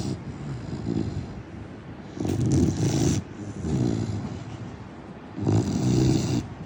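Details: Sleeping Labrador retriever puppy snoring in slow, low, rumbling bursts, about 20 a minute; snoring.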